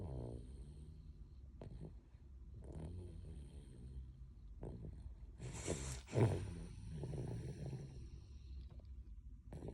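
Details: Toddler snoring in sleep: low rumbling, snorting breath noises with a few irregular louder snorts.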